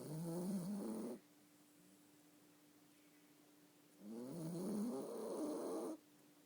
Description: My yorkie snoring